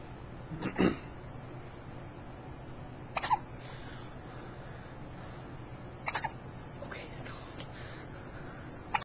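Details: A run of brief, sharp hiccups about every three seconds over quiet room noise, recorded October 27, 2008: hiccups.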